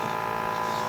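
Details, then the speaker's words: Mechanical insufflation-exsufflation (cough assist) machine used on a woman with MS to simulate a cough, blowing air in then reversing it: steady mechanical hum and airflow in and out. "It's helping her simulate a cough. It blows air in and then reverses it right away,"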